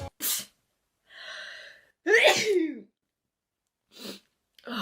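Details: A drawn-in breath, then a single loud, sharp sneeze with a voiced cry, followed by short sniffs; an ordinary sneeze.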